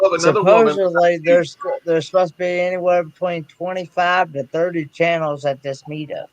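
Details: Adult man speaking; normal speech.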